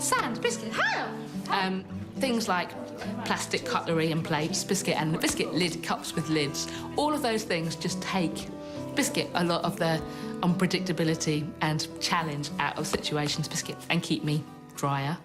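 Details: Woman with Tourette syndrome producing involuntary vocal tics, including a repeated single-word tic ("biscuit"); she says she does not know why certain words become tics. Tourette syndrome vocal tics.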